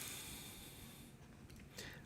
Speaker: my dog's snoring guys can you hear that she listens to me every show